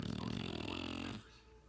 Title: My Shar-Pei puppy snores louder than you